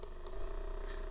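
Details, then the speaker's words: AchedAway percussion massage device running at level 2, about 1900 strokes per minute: steady low buzzing motor hum. "so I'll show you what it sounds like so level one which is a 1500 level to"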